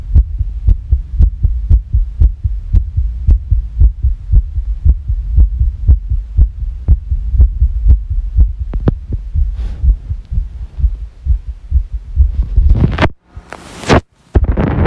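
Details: Rapid heart thumps at about 118 a minute with slightly uneven spacing, described as sick, rustling noise near the end; fast irregular heartbeat.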